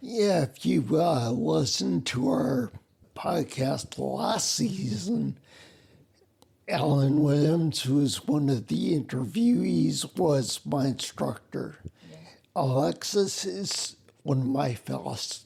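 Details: Ataxic dysarthria in a man with spinocerebellar ataxia, a rare neuromuscular disease, also with mobility and balance problems; slurring began while working, sounds drunk, and makes phone conversations difficult.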